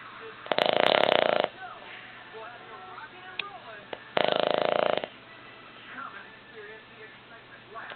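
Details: Boston Terrier sleeping and snoring on a couch: two loud, fluttering snores about four seconds apart, with quiet breathing between them.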